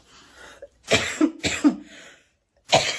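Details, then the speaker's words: Cough from an adult woman who says she is ill, couldn't sleep and slept propped on pillows: three harsh, forceful coughs, each a sharp burst with a rough voiced tail, in a quiet small room. "O vídeo vai ser a maior parte do vídeo tossindo."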